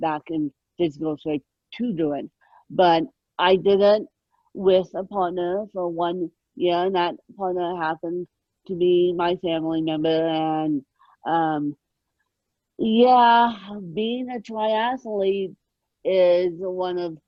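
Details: Adult woman born with moderate ataxic cerebral palsy, mid-spectrum, caused by lack of oxygen at birth, needing 24-hour care; ataxic dysarthria (cerebral palsy).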